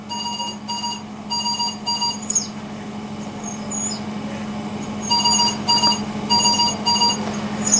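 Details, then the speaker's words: Repeating bursts of rapid high electronic beeps over a steady machine hum: CV200 ventilator low tidal volume, low respiratory rate and low minute ventilation alarms during demonstration non-invasive face-mask pressure-support ventilation, because the set pressure is low. "tidal volume the low rr the low minute ventilation alarms will go off because the amount of pressure i have set is low and so i may need to adjust my alarm limits"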